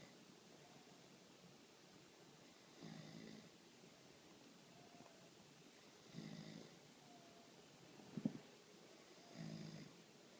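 Soft snores repeating about every three seconds, roughly 18 breaths a minute, in a quiet room.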